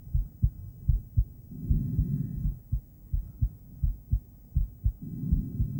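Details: Female heartbeat on an ultrasonic Doppler device: regular low thumps at about 80 per minute, with rhythmic whooshing blood-flow sounds between them.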